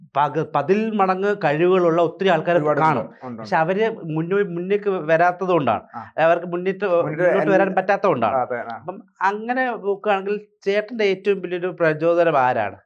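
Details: Adult male speech, interview; typical speech.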